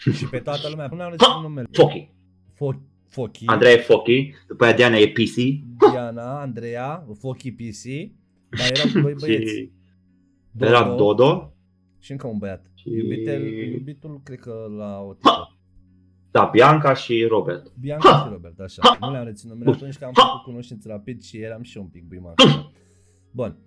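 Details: Adult male podcast host; normal speech.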